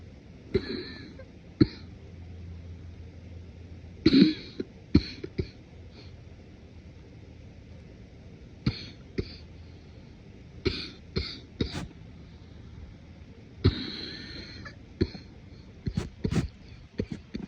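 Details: Morning cough, deliberately suppressed and muffled: short held-back coughs and throat clearing in small clusters, about a dozen, with audible congestion.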